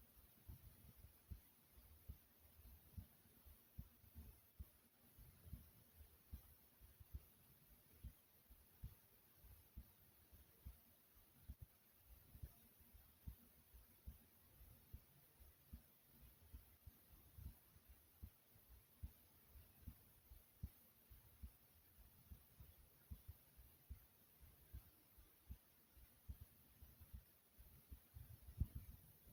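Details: Adult's own heartbeat recorded while relaxing: soft, regular low thumps at a slow, steady resting pace.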